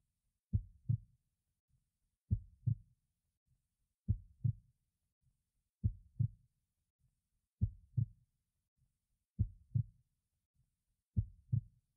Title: HeartBeatProject3